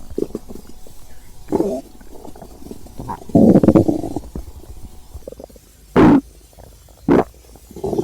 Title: Stomach growl